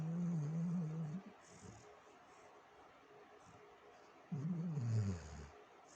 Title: my dog snoring